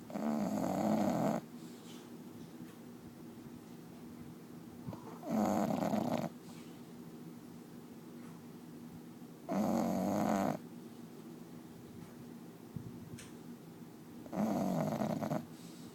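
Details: Loud, rough snores about every four seconds, roughly 14 a minute, with quiet pauses between; heavy snoring in a sleeping bulldog named Cookie, loud enough to drown out the TV.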